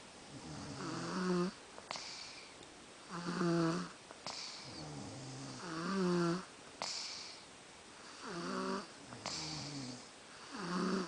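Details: Rhythmic rattling, buzzing snores on each breath, about 25 a minute, with quieter breathing between, recorded at night; ordinary snoring.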